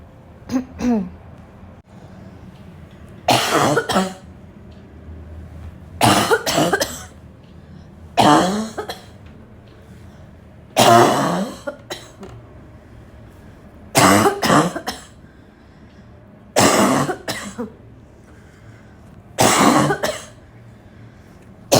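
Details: An adult's intense barking cough that has returned: repeated harsh, forceful cough bursts roughly every three seconds, with some throat clearing.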